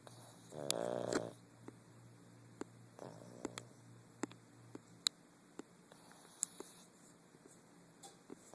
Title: Winston the pug snoring like an old man.